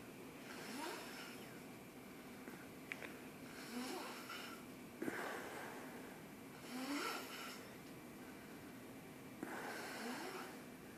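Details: Cole snoring: rhythmic rough snorting passes of air, about 27 breaths a minute, in a quiet room.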